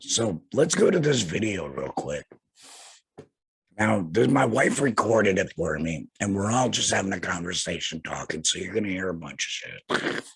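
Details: Laryngectomee speaking with a tracheoesophageal puncture voice prosthesis; tracheoesophageal speech after laryngectomy.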